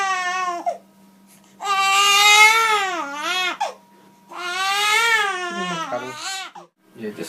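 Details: Newborn baby crying during gentle Gonstead chiropractic neck adjustment held in mother's arms: loud, sustained wails in long bursts separated by pauses for breath; irritable crying infant.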